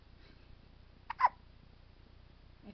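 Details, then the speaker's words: Hiccups in a 3-day-old newborn: two quick, sharp hiccup sounds close together, each a brief catch of breath, in a quiet room. "has the hiccups."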